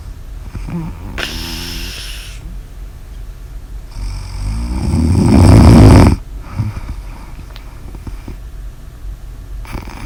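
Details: Snoring: rough, rattling snores during breathing, one loud and harsh, with some whistling noise.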